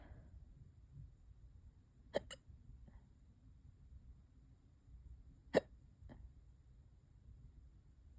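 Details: Two sharp, abrupt hiccups about three seconds apart, each followed by a small click, over quiet room noise; hiccups that have lasted for hours and are getting worse.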